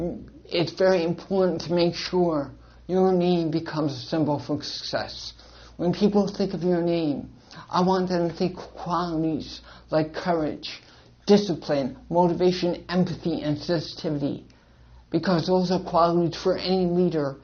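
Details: Adult man born with cerebral palsy and associated hearing loss; dysarthric speech in cerebral palsy.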